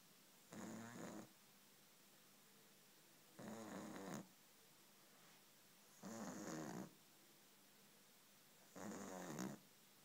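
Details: Sleeping puppy with regular rattling snores at about 22 a minute, each a short fluttering breath with quiet pauses between.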